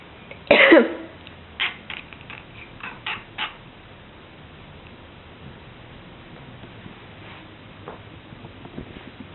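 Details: A cat coughing indoors: one strong harsh cough burst, then a few softer short hacking sounds in a quiet room.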